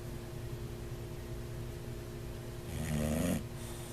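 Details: Sleeping bulldog, snoring possibly a sign of sleep apnea; low, rattling snore that swells into a louder snort near the end.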